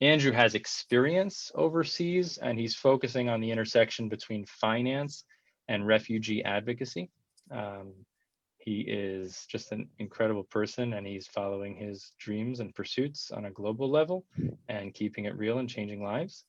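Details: Adult male speaker; normal speech.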